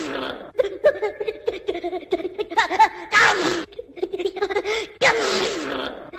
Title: Funnest Sneezing Compilation